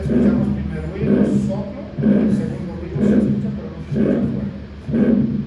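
Slow regular heartbeat about 62 a minute, each first sound followed by a rising-falling murmur and a soft second sound: mid-systolic murmur of aortic stenosis.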